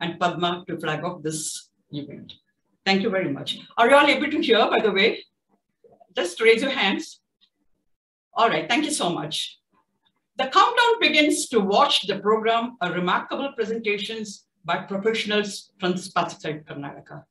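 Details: Adult speaker at an event; normal speech.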